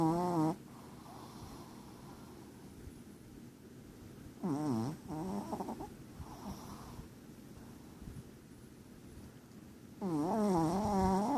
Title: My dog lucky snoring LOL